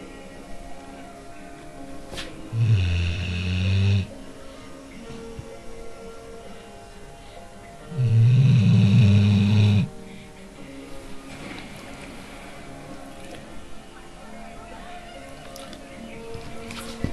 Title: Snoring dog